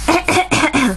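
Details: Mother's deliberate coughing, said to have a bad cough, that a child finds hilarious: four quick, loud, throaty, voiced coughs in a rapid run, indoors.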